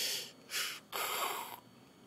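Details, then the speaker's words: Teaching example of the final stage of fluid overload: bronchial breath sounds with no crackles, a sign of fluid overload or other consolidation in the lung tissue. "when you hear bronchial breath sounds and no crackles, this is a sign of fluid overload or other consolidation in the lung tissue"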